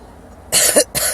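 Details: Irritant cough in a woman smoking a Black & Mild cigar for the first time: two harsh, breathy coughs in quick succession after inhaling; she finds it too rough to deep-inhale and can't finish it.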